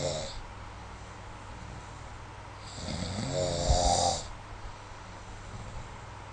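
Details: One rough, rattling snore on breathing in, over a quiet room background, recorded during sleep with the SnoreLab smartphone app; snoring.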